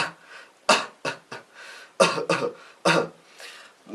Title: как правильно кашлять(тихо)